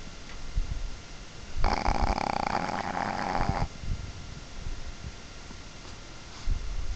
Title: My Dog Bailey Snoring